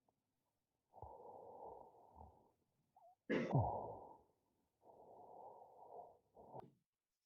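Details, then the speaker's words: Sleep study recording of a male patient with normal AHI, ODI and mean saturations, with obstructive snoring throughout respiratory events; inspiratory clicks during apnoeas (mixed apnoea). "okay so what you i hope you can appreciate from that is that he has obstructive snoring um throughout these respiratory events"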